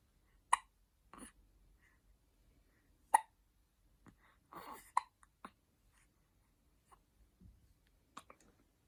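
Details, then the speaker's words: Baby's short, sharp hiccups, irregularly spaced, about six in nine seconds, with small breathy sounds between; ordinary infant hiccups. "See if you can stop the hiccup. No? No? Come on, milk. That was a big hiccup. Just like mine."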